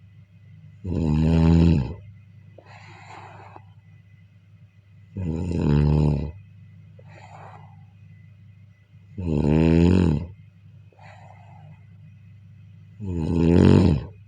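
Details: Snoring during sleep: loud, rattling inspiratory snores about 16 a minute, each followed by a soft breathy exhale, over a steady low room hum.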